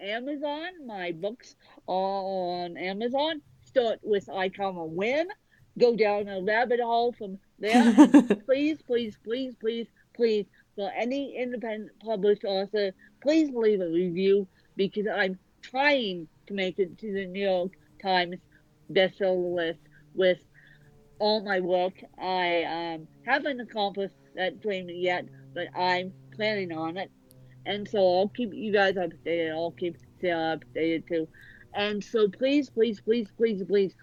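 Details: Real dysarthria in an adult woman with cerebral palsy present from birth that affects both sides of her body; dysarthria (cerebral palsy).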